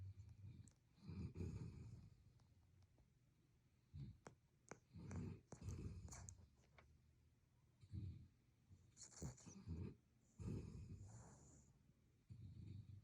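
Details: Sleeping Boston terrier puppy snoring lightly: soft, irregular snuffles and low snorts with small clicks, typical of a short-nosed dog.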